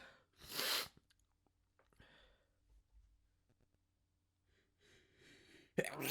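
A loud open sneeze, then quiet breathing and a second sharp, partly stifled sneeze at the end; two sneezes.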